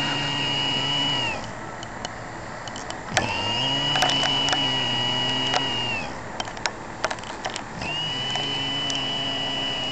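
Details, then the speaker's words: Adult father snoring in his sleep: three long, steady humming breaths with a high whistling tone, each ending in a falling pitch, about 13 a minute, with quiet pauses between; unusual whistling snoring. "That was Dad snoring."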